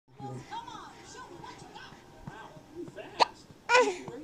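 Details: Young child having hiccups: babble and soft talk broken by two sudden, sharp, catching sounds; television in background.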